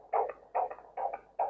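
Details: Fetal Doppler on a pregnant woman, fetal heart found high, above the umbilicus: regular, rapid whooshing beats counted at 140 per minute over one minute, normal fetal heart sounds.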